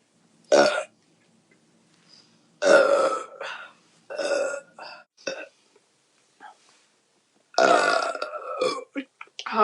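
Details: Young woman burping after chugging seltzer and half a beer, mouth open: several loud, drawn-out voiced burps separated by short pauses, with brief throat sounds between them, three different tones.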